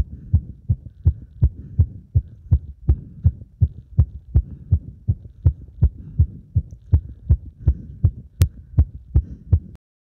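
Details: Heartbeat recorded with compression against the chest after squat exercise, showing arrhythmia: fast, strong thumping, mostly steady with occasional uneven gaps, indicating an irregular rhythm after exertion.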